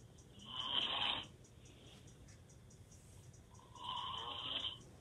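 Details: Adult male snoring loudly with mouth open: two rattling snores on breathing in, about four seconds apart, separated by quiet breathing out.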